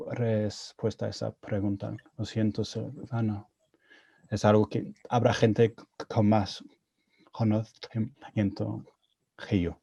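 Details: Adult man with stuttering, speaking Spanish, a second language he learned after moving to Spain at age 22; he reports his stuttering was more severe in Spanish.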